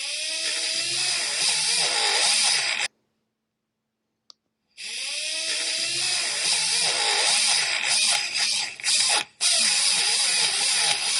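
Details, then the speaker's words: Virtual game, child's braces procedure: dental polisher run over the teeth to clean them before bracket bonding, a steady high whirring hum with warbling pitch and a brief gap. "run the polisher over the teeth to clean them okay I always hated that sound"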